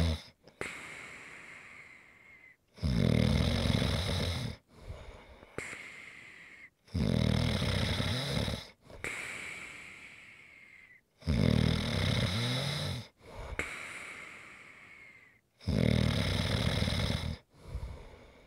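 Loud, rough, vibrating snores on each in-breath, followed by quieter breathy out-breaths, about 14 breaths a minute; ordinary snoring.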